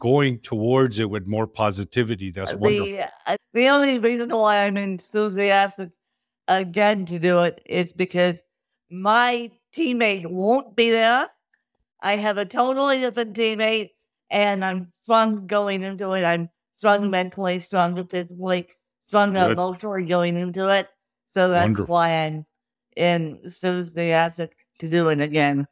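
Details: Adult woman with cerebral palsy since birth, caused by lack of oxygen at birth; wheelchair user who reports difficulty speaking, sitting up and eating, and tires easily: dysarthria (cerebral palsy).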